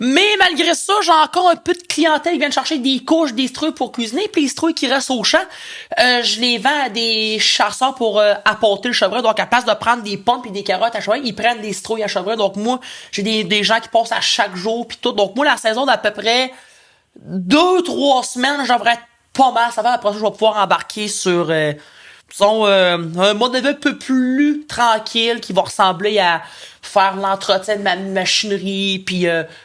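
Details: Adult man who stutters and uses his own techniques to control it; stuttering.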